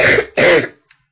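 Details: Single harsh, throaty cough with a deep barking edge, close to a throat clear, from a speaker with a really bad throat and stuffed nose recorded on a webcam; barking cough.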